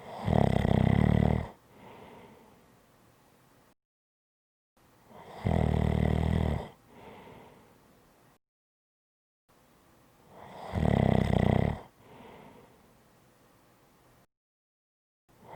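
Loud, rattling snores on each in-breath, about every five seconds with softer out-breaths between: heavy snoring from vibrating throat tissue.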